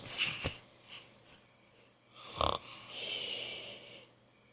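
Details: Child imitating daddy's snoring: breathy snorts and a hissing, whistly breath, not real sleep snoring; imitated snoring.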